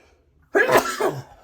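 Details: Single harsh, wet cough from an adult in a quiet room, in the morning while the body is still clearing out illness, with an apology for the coughing.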